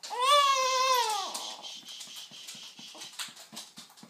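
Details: Infant girl being burped by her grandmother, fussy and thought to be going through a growth spurt: a short, high cry fades into rapid small grunts, fussing and brief whimpers.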